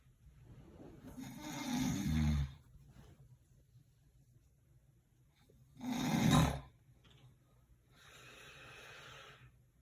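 Loud rattling snores on inhalation, two strong ones and a softer third, with quiet pauses between.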